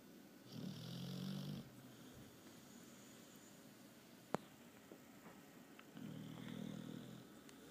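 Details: Sleeping dog snoring: two slow, rattling inhaled snores several seconds apart with a faint click between them; snoring.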